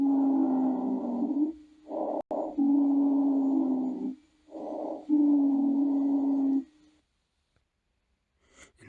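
Breath sounds with a steady, single-pitched musical whistle running through each breath phase: a monophonic wheeze.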